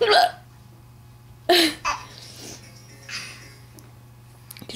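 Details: Sudden, sharp adult hiccups with a brief catch of breath, while a child nearby laughs because he finds them funny; hiccups.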